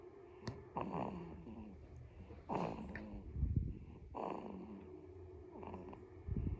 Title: 30 seconds of baby snoring